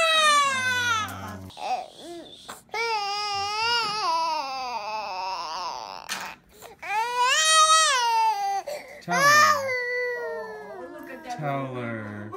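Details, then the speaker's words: 4-month-old baby girl crying right after her last, painful immunization shot at a check-up: loud, high, wailing cries with catches and gasping breaths, lasting only a few seconds before she feeds. "She only cried for a few seconds there. And she's eating now."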